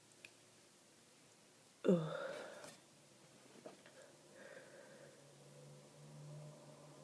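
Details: One sharp, stifled sneeze then quiet breathing and rustling, from an adult with a cold, stuffed up and snotty, in a sneezing fit lasting about 30 minutes, stifling because the sneezes were so powerful.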